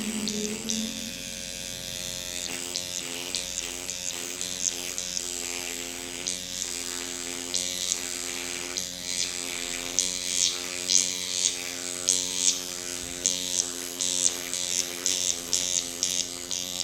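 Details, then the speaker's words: Steady high-pitched electric buzzing with rhythmic pulses, over soft music: a microneedling pen running at 0.5 depth over the cheek and jawline of an adult woman during skin needling. "this area is a lot has a lot more fat and a lot thicker skin so it can take a deeper needle so we're going to go back up to point five for that"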